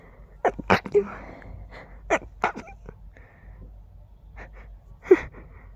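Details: Allergies acting up, tickly urge with every breath: a rapid series of short, muffled bursts with quick catch breaths between; huge stifled sneezing fit.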